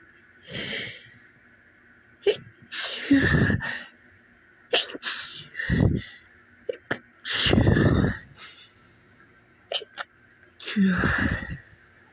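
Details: Adult sneezing just after waking: several loud explosive sneezes in a row, with sharp in-breaths between them.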